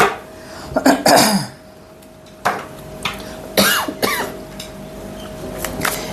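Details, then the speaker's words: Adult with an illness on medication, expecting recovery in a few days: several loose, harsh coughs in quick clusters in a quiet room with a faint steady hum. "Excuse me for my cough. I'm on medication, but it's going to take a few days. So just bear with me, okay?"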